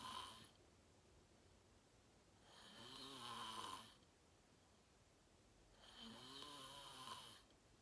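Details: Real self-recorded sleep; person fell asleep fast, around 8:45, and slept deeply, reportedly REM. Rhythmic, loud, rattling snores on each inhalation, about 18 a minute, with quiet exhalations between over steady room hiss. Ordinary loud snoring.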